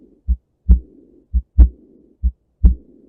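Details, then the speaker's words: Decrescendo diastolic murmur of valve regurgitation: a regular heartbeat near 64 a minute with a soft blowing murmur after the second sound; louder on exhalation suggests aortic, louder on inhalation pulmonic regurgitation. "if the test writer was generous enough to tell you that the patient has a decrescendo diastolic murmur then we're looking at a regurge"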